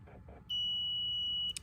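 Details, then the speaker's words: A single steady high-pitched electronic beep of about one second from the buzzer of a homemade auto syringe pump, signalling that a half dose is complete and it backs up and resets; syringe pump alert beep. "As additional feedback, we also have a buzzer and an LED."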